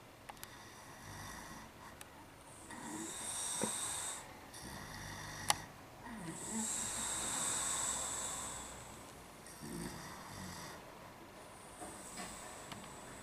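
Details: Man's heavy snoring: loud, rasping breaths repeating slowly, about four or five a minute, each with a hissing whistle.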